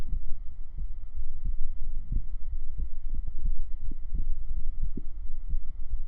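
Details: A real heartbeat recorded up close on the chest with binaural microphones: soft, deep, muffled thumps at a steady rate over a low hum; ordinary heartbeat.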